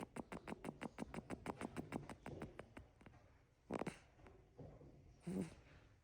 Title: Crickets little hums and snores. Goodnight friends💜